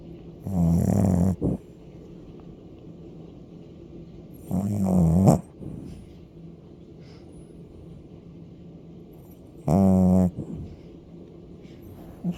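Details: Sleeping dog snoring loudly: rattling snores with long pauses between, about 12 a minute; snoring.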